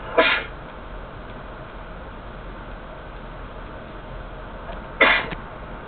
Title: Sneezing 2!